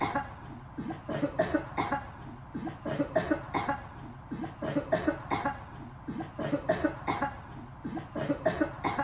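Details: An adult coughing fit linked to swimming: repeated bouts of short, harsh coughs, several in quick succession in each bout, with brief quiet gaps between.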